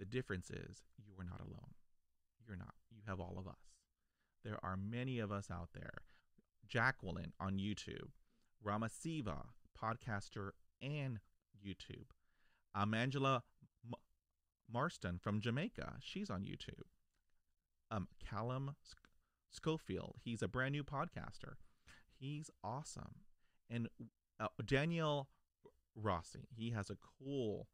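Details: Adult man who stutters, stuttering since childhood; stuttering.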